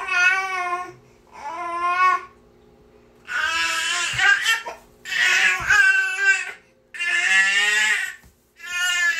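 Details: Baby niece crying nonstop in repeated long, high wails with breaths between, some breaking into sobs; ordinary infant crying.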